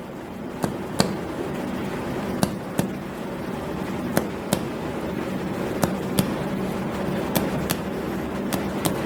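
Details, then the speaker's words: Six paired finger-percussion taps from the right midclavicular line downward, the note shifting from resonant to dull at the upper liver border; skills-lab abdominal physical examination. "selanjutnya batas atas hepar kita ambil dari meet klavikula menuju ke bawah Dari yang awalnya suaranya Sonor berubah menjadi redup"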